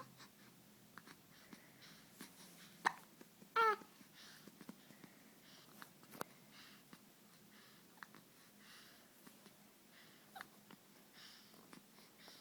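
Quiet room with a few brief, sharp infant hiccup sounds amid soft breathing and small noises; baby hiccups, a common harmless event.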